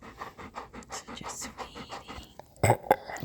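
Fast, regular, shallow breaths in quick succession, about five per second, followed by a couple of louder sounds; typical dog panting.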